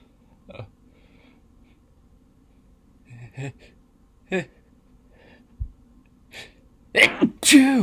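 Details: Induced sneezes: quiet breathy build-up sounds, then two loud sneezes in quick succession near the end.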